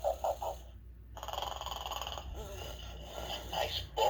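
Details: Plush pig toy imitating snoring: rhythmic snorting, grunting breaths with drawn-out rattling snores between; simulated snoring.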